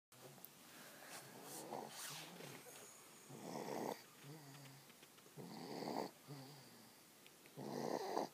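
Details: Woman snoring: soft, fluttering snores alternating with short, whistly out-breaths, about four cycles in eight seconds; snoring.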